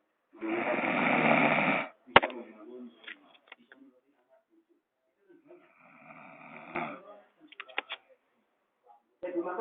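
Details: Snoring alongside a gecko: a loud rasping snore, a pause, then a second snore, with sharp chirping gecko clicks between them in a quiet room.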